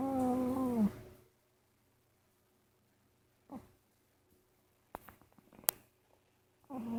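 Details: A sleeping cat gives a droning, whistly snore with quiet pauses between breaths; snoring attributed to structural issues with his nose, not illness, and he is seen regularly by a vet.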